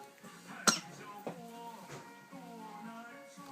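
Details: Young child (a nephew) coughing.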